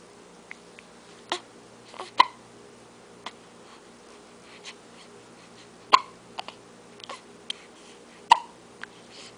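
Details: Brief, sharp hiccups at irregular intervals, about four in under ten seconds, in a quiet room, in the morning; the hiccups seem to upset him, and he is offered his finger to suck.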